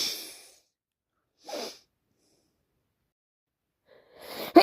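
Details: Person with bad hay fever, itchy runny nose, non-stop sneezing: three sharp sneeze bursts separated by short silences; repeated sneezing from hay fever, not a cold by their own account.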